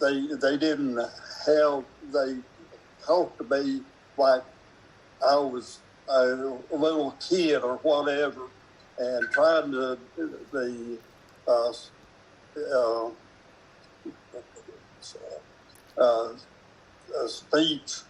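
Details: Man with aphasia speaking about past experiences; aphasia.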